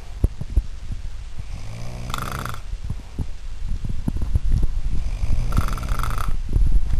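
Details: Low rumbling snores every few seconds over heavy low background noise and occasional knocks; snoring.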